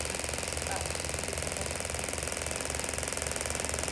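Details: Radial shockwave (EPAT) device with the R040 applicator firing on a tennis elbow at about 21 Hz: rapid, steady mechanical pulses during treatment; frequency later lowered to 15 Hz at 2.6 bar.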